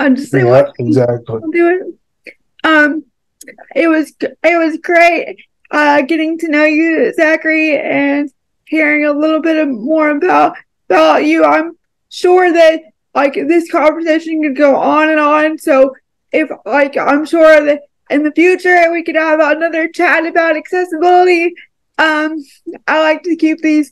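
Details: Adult woman with cerebral palsy; dysarthria (cerebral palsy)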